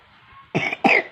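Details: A child's cough during a cough and cold, attributed to eating candy and iced drinks, heard as the child is being given medicine.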